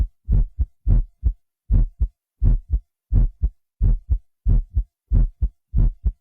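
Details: Real human heartbeat recorded by a doctor and digitally processed (enhanced) with a Synclavier system, used as the heartbeat in the intro of Smooth Criminal.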